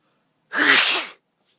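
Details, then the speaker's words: Person sneezing with eyes open: one loud, explosive sneeze with a short voiced burst, then quiet. "Okay, okay. I can sneeze with my eyes open."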